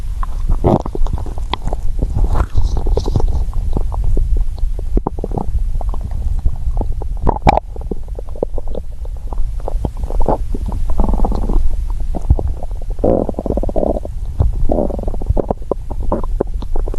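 Continuous low gurgling and rumbling with bubbly bursts, typical stomach growling from hunger; a normal bowel sound.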